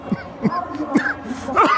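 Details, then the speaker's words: Breathlessness after exercise in an adult just after finishing the Helsinki City Run, also coughing: quick, effortful gasping breaths with voiced catches while getting his breath back. "I will never be the neck as I need to get my breath back okay thank you very much helsinki city run"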